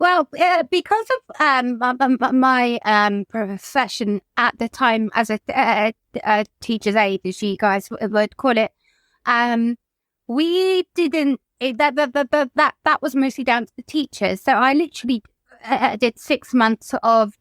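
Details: Adult woman whose childhood stammer recurred, brought on by lockdown and the trauma of losing her mother to suicide; she reports blocking when asked about herself; stuttering.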